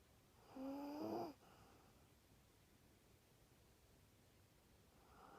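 One short, buzzing snore from a sleeping small dog, followed by quiet breathing and faint room noise.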